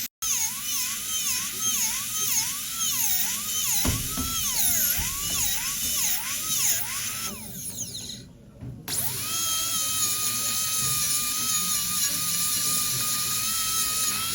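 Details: Dental drill removing old composite filling before diastema closure restoration using a silicone index: high-pitched whine rising and falling as it cuts, with background music.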